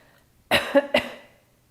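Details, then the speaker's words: Woman on the first day after pelvic laparoscopy and hysteroscopy, leaning forward with a neutral spine and her hands supporting her in place of her abdominal muscles: two short, controlled cough bursts in a quiet room; supported voluntary cough. "now to cough or clear your throat i found this most helpful again in this leaned over position where i have a mostly neutral spine hands supporting me hinging at the hips and then i could cough again with my hands providing the support that might usually come from the abs"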